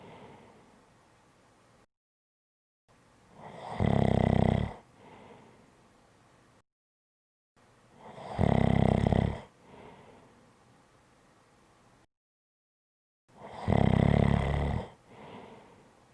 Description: This is a 5 1/2 minute audio clip of Snoring.